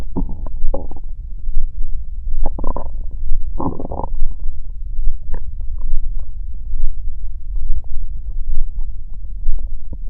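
Low gurgling rumbles and bubbling pops over a steady low background, typical of stomach growling, a normal gut sound.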